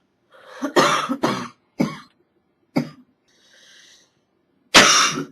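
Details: Acted (simulated) cough of a woman with a cold: wet, rough coughs, the early ones partly stifled or muffled, the last one loud and open.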